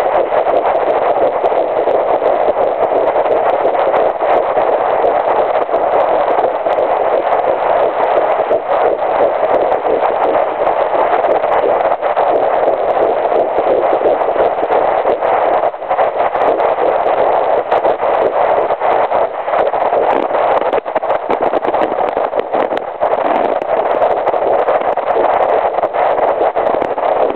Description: Early pregnancy fetal heartbeat at 9 weeks and 2 days using a fetal doppler. Heartrate is approx. 168bpm :)